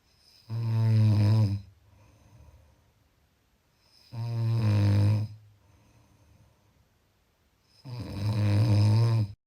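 Loud, low, rattling snores on each breath in, about three in nine seconds, with quiet breathing out between; ordinary snoring.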